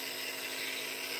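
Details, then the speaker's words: Continuous hissing mechanical whir of a nebulizer compressor running for a 50-year-old with childhood asthma, double pneumonia and MRSA, who uses nebulized medication every 4 hours. "This is childhood asthma. I'm 50 years old, and now I'm on a nebulizer."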